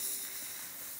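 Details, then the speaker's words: Steady gas hiss of a FREEZEPEN spraying nitrous oxide to freeze off a fairly big wart, surrounding skin protected with cling film, sprayed until patient feels a sting; cryotherapy spray. "okay i'm just going to freeze off this warts now okay it's going to be very cold i've protected the surrounding skin with some cling film"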